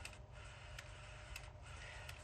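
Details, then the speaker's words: Soft repeated mechanical ticks and clicks of a CADD-Solis ambulatory infusion pump, set up in PCA mode, priming its tubing while disconnected from the patient, with quiet room noise behind. "donc là la pompe nous demande si nous sommes bien déconnectés du patient donc je valide en appuyant sur purger la purge est en cours"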